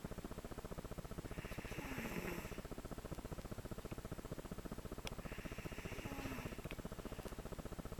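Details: Five-year-old child in deep sleep snoring, two soft breathy snores about four seconds apart over a steady mechanical hum.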